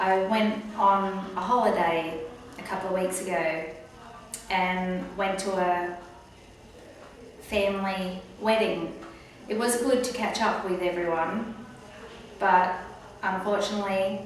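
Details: Post-stroke aphasia in an adult woman, recorded about a year after an earlier video to show her progress; she finds group conversation hard. Finding: aphasia.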